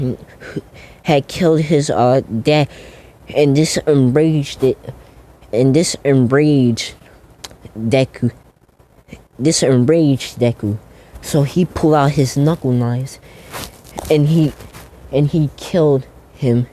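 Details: Stuttering in a man who says he stutters a lot, narrating a fan story.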